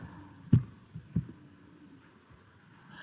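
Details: Heart auscultation from a cardiac semiology teaching session, demonstrating the first and second heart sounds (B1, B2) of systole and diastole. Normal heart sounds.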